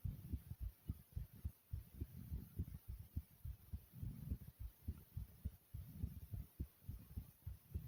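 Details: Rapid, strong, regular low thumps at about 105 beats a minute: a fast pounding heartbeat (tachycardia).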